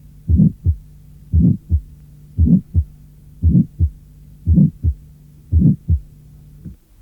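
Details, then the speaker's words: Innocent functional systolic murmur, heard between apex and sternum or along the left sternal border, not holosystolic, lasting to mid-systole or slightly beyond, medium-pitched rather than high-pitched like mitral regurgitation; assessed with the stethoscope bell. "Il s’agit d’un souffle de tonalité moyenne, et non d’un souffle aigu comme celui de la régurgitation mitrale."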